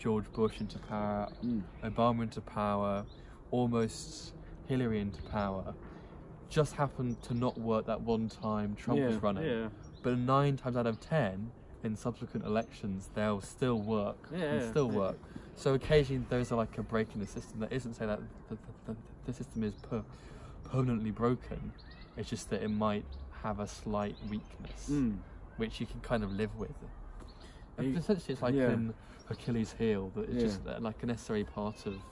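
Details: Stuttering (stammering) in an adult who stutters, who is using speech techniques.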